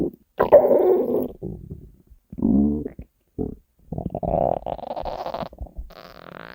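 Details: Hunger stomach growling: loud, drawn-out growls and gurgles in several bursts, some with a whining tone; borborygmi.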